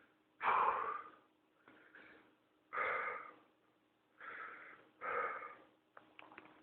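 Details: First-person recording of an adult with pertussis (whooping cough), about 2 weeks ill, on medication, early morning: run of harsh, strained, noisy breaths with whoop during a paroxysmal coughing fit.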